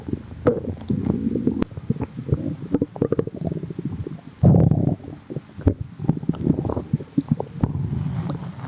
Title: water in tummy | stomach growling